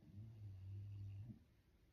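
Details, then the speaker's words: Dog snoring in the background: a single low, steady rumbling breath lasting about a second, then quiet room noise. "so give that a try yes you can hear my dog snoring in the background"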